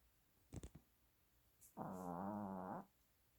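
A few small clicks, then one drawn-out, buzzing snore from a sleeping puppy, lasting about a second.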